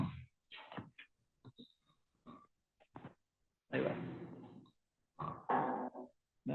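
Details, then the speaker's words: Sedated adult snoring from vibrating upper-airway tissue. Irregular, rough, grunting snore bursts: snoring. "Ahora estamos viendo un adulto roncar, pero aquí lo importante es, ay, perdón, ¿qué tienen en común? Eh, ¿por qué se produce el ronquido?"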